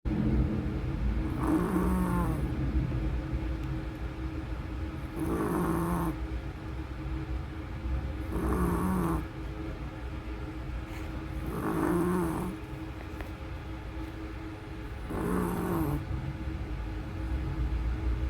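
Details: Pet chihuahua snoring loudly, a rattling snore on each breath, about 17 breaths a minute, over steady room hum; snoring.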